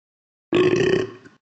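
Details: Animated newsreader characters in the Talking Tom & Ben News app making a single loud, voiced burp of about half a second that then fades; simulated burping.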